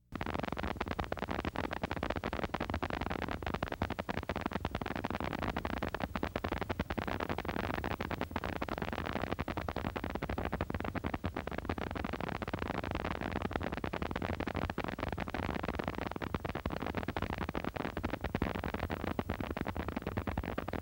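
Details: Needle EMG: small-amplitude short-duration motor unit potentials, dense crackly scratchy static of many brief potentials firing quickly; hallmark of myopathy, also seen in myasthenia gravis, Lambert-Eaton and botulism.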